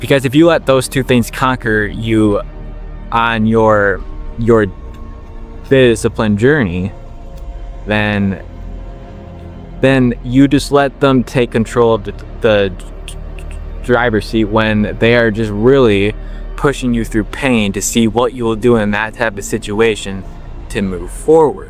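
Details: 21-year-old man with a stutter since he could talk, worked on for years and helped by slowing down; word and part-word repetitions persist; stuttering.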